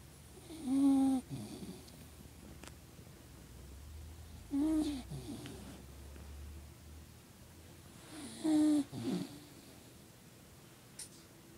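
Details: Dog snoring: three slow snores with a soft rattle, about four seconds apart, quiet room noise between.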